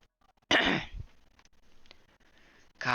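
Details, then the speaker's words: Person apologizing for heavy coughing, saying they sound like a lifelong smoker: a single sharp, harsh cough, quiet room noise, then the start of another cough. "sorry for all the fucking coughing. I sound like I've been smoking for all my life."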